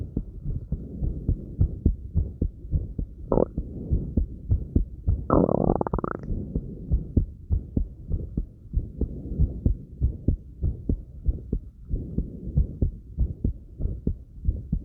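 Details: Own heartbeat recorded after light crunches: fast, regular heartbeat around 100 a minute, with a couple of breath sounds and some movement noise; normal quickened rate after light exercise.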